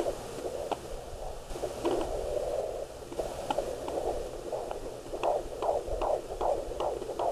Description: Baby's heart beat on a Doppler Monitor at 15 Weeks.